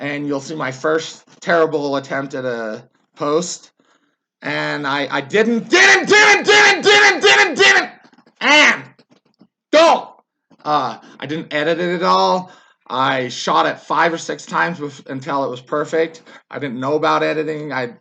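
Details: Adult man, a former soldier, with Tourette syndrome whose tics worsened after military service; he yells, jerks and repeats words; vocal tics with word repetition (Tourette syndrome).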